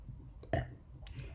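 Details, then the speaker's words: Deliberate, self-induced burp made by quickly inhaling air and then belching, as a demonstration: a single short, low, rumbling burp over faint room noise. "So let's begin. First, you just inhale air very quickly, and then you burp. Easy as that."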